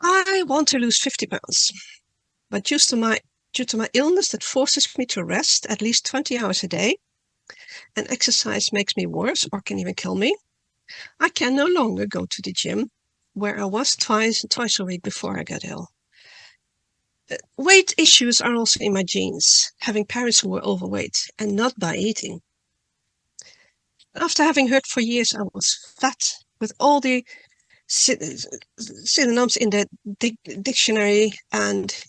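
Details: Adult woman who stutters, speaking at a stuttering conference; she reads her talk to reduce stuttering and says she stutters less the more she speaks publicly; real stuttering.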